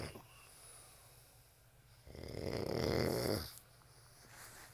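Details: Person snoring: one loud, rough, fluttering snore on a breath in, with quiet breathing before and after; ordinary snoring.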